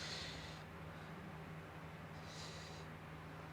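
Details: Endoscopic ear microsuction of a large wax plug mixed with dry dead skin in a narrow, bendy ear canal, pre-softened with olive oil: steady suction hiss with two short louder rushes as wax is drawn out.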